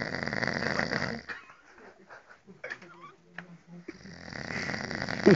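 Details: Snoring during sleep (retreat): two loud, rough, rattling snores on inhalation separated by a quieter pause with faint breath and room sounds; ordinary heavy snoring.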